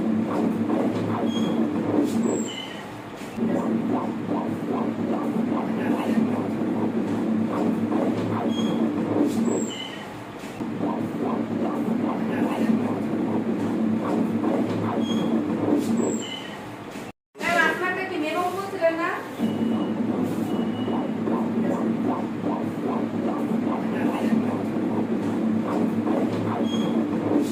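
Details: Normal fetal heart sound on ultrasonogram: rapid, rhythmic, whooshing pulses of a fetal heartbeat on Doppler ultrasound.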